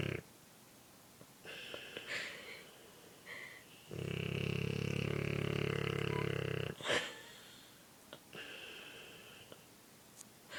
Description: My Bordeaux was snoring as usual on my shoulder